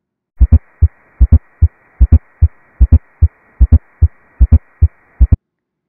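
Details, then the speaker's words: Regular triple rhythm near 73 beats a minute, a soft extra sound at the end of diastole just before each S1: S4 gallop, from blood hitting the ventricular wall. "an s4 gallop occurs at the end of diastole and immediately prior to s1 both sounds occur due to blood hitting the wall of the ventricle"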